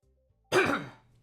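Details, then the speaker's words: Single short, harsh cough or throat-clearing burst from an adult man who says he is a little sick, with faint tones before it. "am a little sick I'll try to edit out my coughs but I can't promise that I'll remember to"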